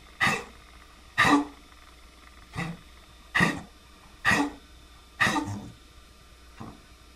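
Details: Dog coughing: seven short, forceful coughs in irregular succession, about one per second.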